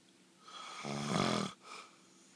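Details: Person recording their own snoring during sleep: one loud, rough, vibrating snore on a breath in, followed by a softer breath out; snoring.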